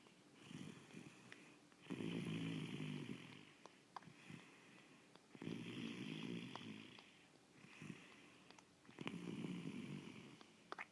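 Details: Regular rumbling snores about one every 3.5 seconds, each over a second long, from a sleeping pet, Chase; snoring.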